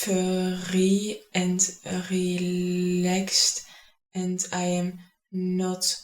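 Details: Adult speaker; stuttering.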